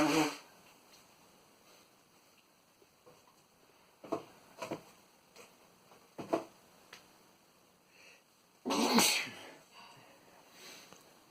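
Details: Adult man in running gear sneezes twice, sharp explosive sneezes at the start and near the end, with small sniffs and rustling between them in a quiet room; sneezing.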